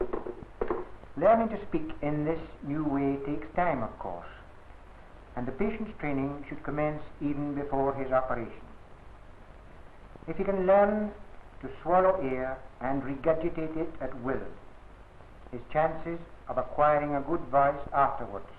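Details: Adult male narrator; normal speech.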